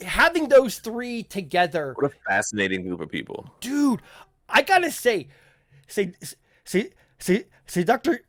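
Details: Stuttering (self-reported) in an adult male podcast host who says people in voice chat often ask him to repeat himself.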